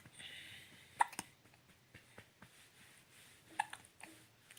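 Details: Two short, sharp little catches about two and a half seconds apart with faint breathing between: an infant's hiccups.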